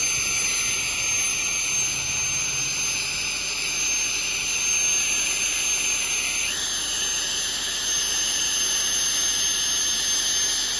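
Steady high-pitched hiss and whine of dental cleaning instruments running continuously, with a brief pitch shift partway through; routine scaling and air-polishing.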